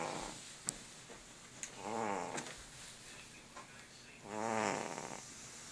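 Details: Snoring of a sleeping fat cat: two soft, rumbling snores a few seconds apart, with faint room noise and small clicks between them.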